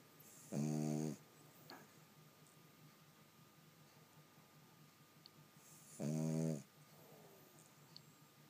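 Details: Sleeping Boston terrier: two buzzing snores about five seconds apart in a quiet room, with soft breathing between them; snoring.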